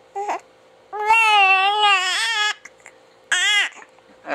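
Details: Infant with hiccups after babbling and talking fusses briefly, then gives two loud, high-pitched cries in a quiet room.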